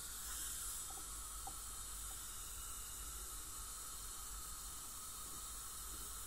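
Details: Professional teeth cleaning by a dental hygienist on a patient with heavy plaque and tartar, possibly gingival inflammation: steady high hiss of water spray and suction with faint instrument whine; ultrasonic scaling.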